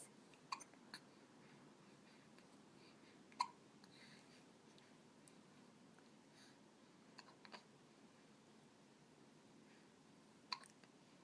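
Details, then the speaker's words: A 10-week-old infant hiccupping: soft, brief catches at irregular intervals in a quiet room, about four in ten seconds: hiccups. "a.m. you have he cups are you have he cups"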